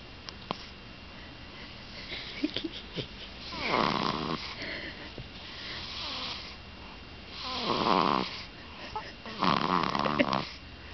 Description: Our 1 month old baby, snoring away!